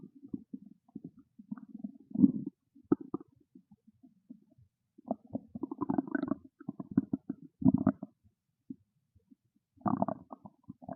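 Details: Hunger stomach growling: low gurgling and bubbling rumbles in bursts with brief quiet gaps; loud stomach growling (borborygmi).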